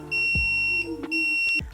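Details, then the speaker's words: Repeated high-pitched electronic beeps of an electric syringe pump occlusion alarm, signalling obstruction in a multi-line infusion setup (e.g. insulin or morphine), in a nursing training demonstration. "les médicaments administrés par pousse seringue électrique sont souvent des médicaments à marge thérapeutique étroite nous pensons par exemple à un risque d'hypoglycémie sévère sous insuline ou un surdosage en morphine l'obstruction est signalée par le déclenchement de l'alarmé du pousse seringue électrique"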